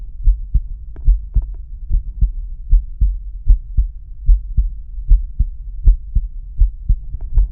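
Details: Male's own heart auscultated with a stethoscope diaphragm, moving through aortic, pulmonic, Erb's point, tricuspid and mitral/apex areas: heart sounds.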